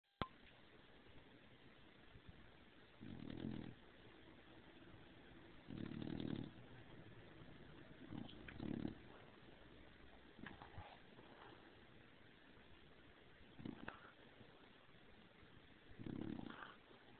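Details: Snoring from Stargazer Lily Rose, a bulldog sleeping after overheating under the covers: soft low snores about every two to three seconds, some uneven, slightly louder than a cat purring, over quiet room noise.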